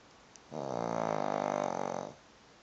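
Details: Snoring in a quiet room: a single drawn-out rattling snore on an in-breath, about a second and a half long.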